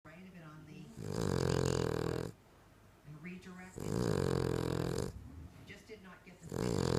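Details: Very loud snoring from a sleeping King Charles Cocker Spaniel dog.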